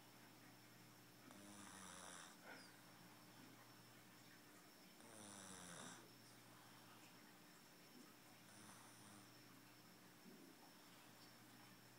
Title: snoring